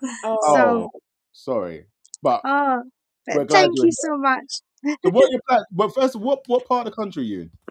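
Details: Adult woman speaking; normal voice.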